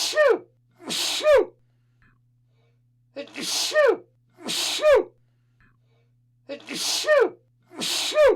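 Three pairs of loud sneezes, each a sharp 'ah' breath-in followed by an explosive 'choo'; ordinary sneezing.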